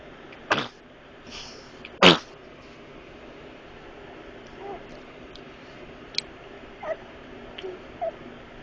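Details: Two short, sharp, explosive sneezes, then a few faint snuffles, in a quiet room; sneezing.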